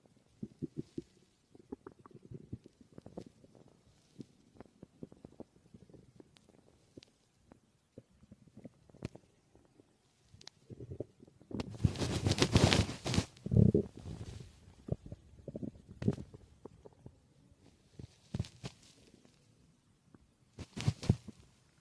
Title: My stomach growling 🥰